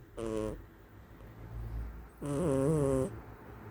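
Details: Snoring from a sleeping cat: two buzzy, tonal breaths, the second longer and wavering, over a low background rumble.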